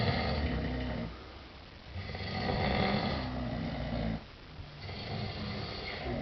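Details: Two sleepers snoring together: loud, rattling snores on each in-breath with short quieter pauses, about two breaths heard; ordinary snoring.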